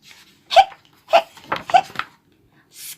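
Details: Hiccup sounds performed during an English read-aloud of the children's book Skeleton Hiccups, where the skeleton has hiccups: three short, abrupt hiccups in about 1.5 seconds with breathy sounds between; hiccups.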